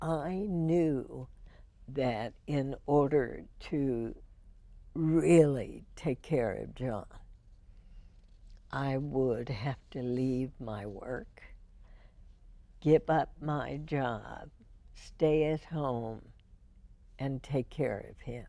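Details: Spasmodic dysphonia in an adult woman, diagnosed 1998, treated every four months with botulinum toxin injections into the vocal cords; spasmodic dysphonia.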